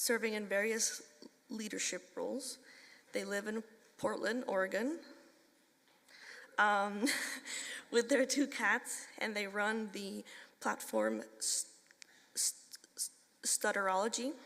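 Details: Adult woman speaking; typical speech.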